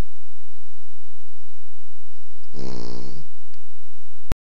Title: Lilybell snoring